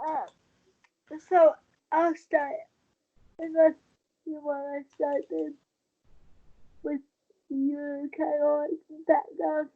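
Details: Dysarthria in a 23-year-old woman with cerebral palsy since birth after premature birth at 27 weeks. She has a more advanced form affecting the brain centre that controls balance and uses a wheelchair. She believes her prematurity affects the stability of her speaking.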